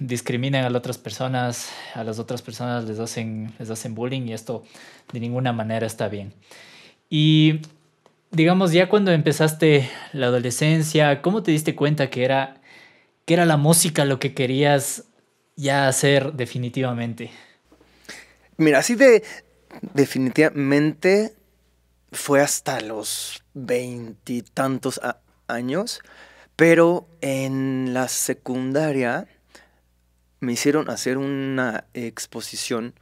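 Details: Adult male Mexican singer with stuttering present since early childhood; he cannot recall speaking without getting stuck and reports not stuttering when singing.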